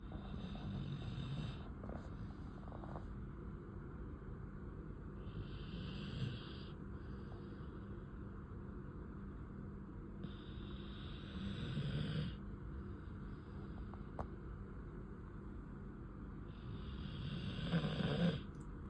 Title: My baby snoring 😍